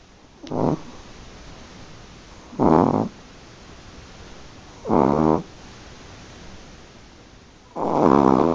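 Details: Sleeping Chihuahua snoring: four loud, buzzing snores about every two and a half seconds, about 25 a minute, quiet breathing between.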